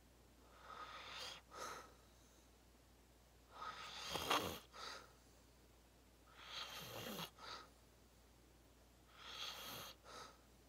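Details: Loud, deep snoring during a long nap in deep sleep: four noisy, rasping breath cycles in about 11 seconds, each with a rough fluttering inhale.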